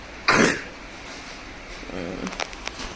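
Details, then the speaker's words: One harsh, loud cough from a child who coughed all night with a cold and fever, on the way to a doctor visit; faint voices and small room noises follow. "उसकी वजह से उसकी मामा ने उसको आज नहीं भेजो पुरी रात बच्चा खांसी करता रहा है"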